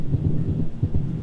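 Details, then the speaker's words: Simulated heart sounds heard by stethoscope on a virtual reality patient avatar: a very fast heart rate: supraventricular tachycardia. "i'm going to listen to your heart holy guacamole you are running"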